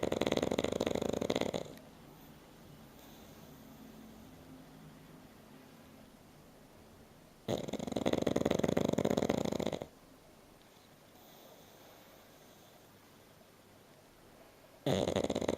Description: Ville The Pug is sleeping and snoring